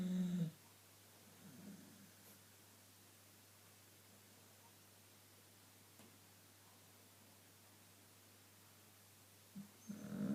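A short low snore at the start and end, separated by a long quiet pause, from a sleeping dog; ordinary snoring.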